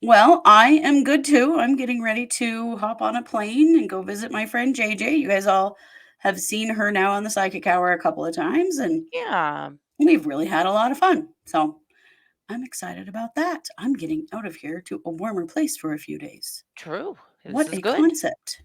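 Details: Adult woman speaking; Normal speech.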